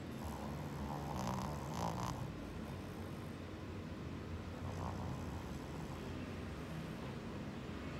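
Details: Low rumbling noise with a few snoring bursts over steady background noise from a Shih Tzu dog, recorded without its knowledge while a TV plays; described as snoring badly.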